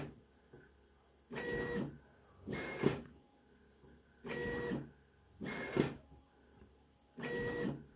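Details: Mechanical ventilator made in Romania for coronavirus patients cycling regularly, giving paired whirring pushes at about 20 breath cycles a minute.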